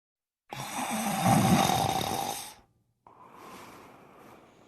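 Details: Animated cartoon character falling asleep, voice-acted, simulated snore: a long, rough, rattling breath in and a softer breath out.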